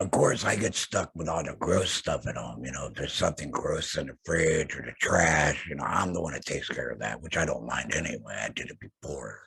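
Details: Adult male laryngectomee, larynx surgically removed, using an HME and base plate over the stoma, speaking in a podcast; laryngectomee speech.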